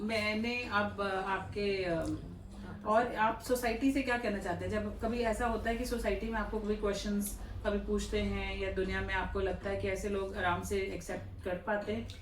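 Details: Adult woman speaking Hindi; normal speech.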